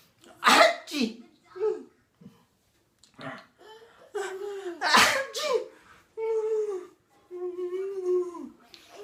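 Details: Sneeze sounds made to make a baby laugh, possibly playful imitation: loud sneeze-like bursts alternating with voiced cries or laughter in a small room.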